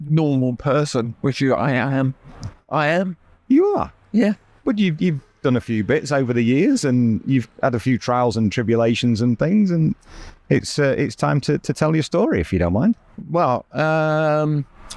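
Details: Adult male speaker; normal speech.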